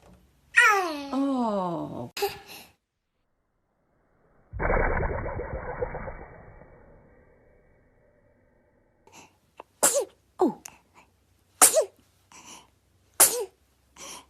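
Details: Compilation of babies sneezing: short bursts of infant sneezing with high vocal squeals and a loud exhaled burst, then several brief sharp sneezes; ordinary infant sneezes.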